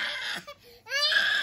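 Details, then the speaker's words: Young child crying loudly with a brief break and a rising wail during ear or nose foreign body removal with a balloon extractor catheter, an earring piece retrieved; child crying. "okay all right somebody's not happy there it go"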